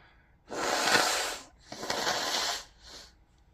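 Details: Nose blowing: two strong, hissing bursts of air through the nose, then a shorter, softer one; recording also includes sneezes and coughing.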